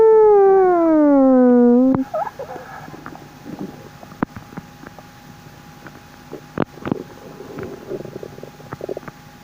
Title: my strange squeaking bowel sounds (trapped toots) 😳😳😳💓💨